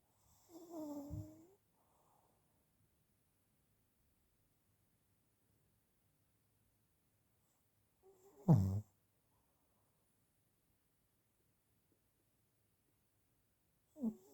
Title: Grandpa's snoring